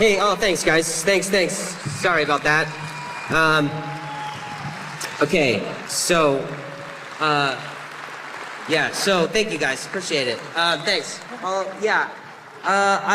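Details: Male stand-up comedian who stutters, thanking the audience at the end of a live show; he says he stumbled through this last part; stuttering.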